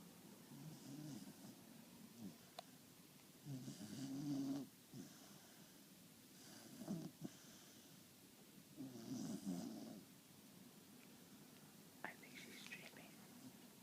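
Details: Sleeping animal snoring and dreaming: rhythmic rattling snores with soft snorts and a brief whimper, about four breaths in the stretch; snoring.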